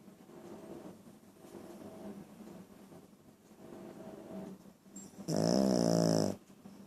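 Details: A sleeping dog makes soft, quick snuffling breaths, then one louder rattling snore near the end; dog snoring.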